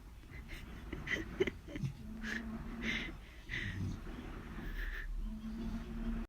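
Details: American pitbull terrier named Moka snoring while asleep: repeated squeaky, whistling snores with snorting breaths, about one per second; snoring.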